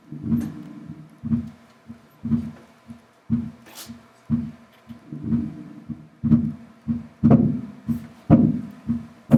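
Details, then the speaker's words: Simulated heart sounds from a Harvey cardiology simulator at about 60 beats a minute; S2 briefly splits into aortic and pulmonary components on inspiration, a physiological splitting of S2. "el desdoblamiento se llama desdoblamiento fisiológico vamos a quedar con el desdoblamiento fisiológico"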